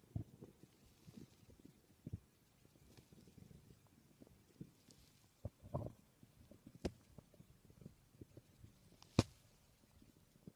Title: My stomach growling 🥰